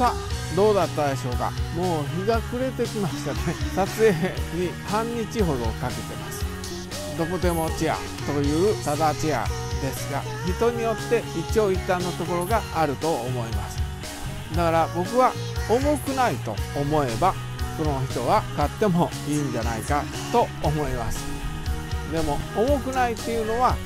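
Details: Aphasia in an adult Japanese man with right-sided hemiplegia, both following a cerebral hemorrhage in April 2020.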